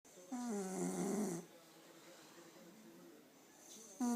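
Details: Mother who fell asleep drunk, snoring: a rough, fluttering noise on each breath in, then quiet breathing out before the next snore starts; ordinary snoring.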